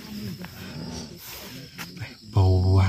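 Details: Low, rumbling snores with a loud, rough snore at the end from an exhausted person sleeping beside the tent at a mountain campsite around midnight, over outdoor night insect noise; loud snoring.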